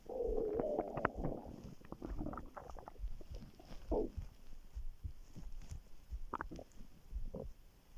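Low gurgling and bubbling rumbles with irregular pops and squeaks; stomach growling.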